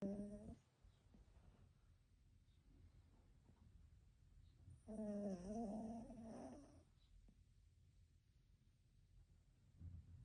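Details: Three sleeping puppies, a toy poodle and bichon frise, snoring: soft, tonal, snorting noises on breaths with quiet room noise between.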